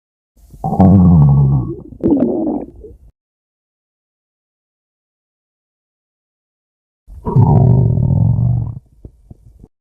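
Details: Female stomach growling from a free sound-effect recording: two long, low gurgling rumbles separated by silence, the second trailing into short bubbly pops (borborygmi).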